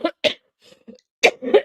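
An adult gives a couple of short, sharp coughs, then clears the throat with a rougher, gravelly sound.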